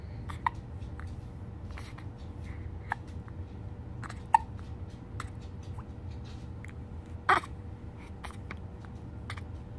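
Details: 9-day-old infant: short, sharp catching sounds recurring irregularly, a few within ten seconds, over quiet room hum; infant hiccups.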